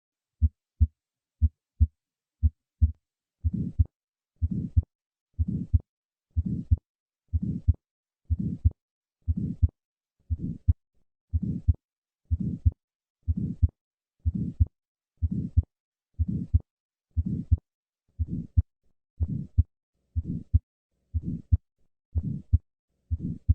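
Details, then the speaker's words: Simulated innocent systolic murmur at about 60 a minute: three clean beats, then a soft early-peaking systolic murmur from turbulence across a normal aortic or pulmonic valve, heard best at the second right or left intercostal space. "Innocent systolic murmurs are due to turbulence across the normal aortic or pulmonic valve. These murmurs peak early in systole, as shown by this phonocardiogram."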